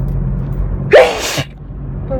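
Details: One sharp voiced sneeze over steady car engine noise while driving; person sneezing repeatedly and uncontrollably, eyes watering; plain sneeze.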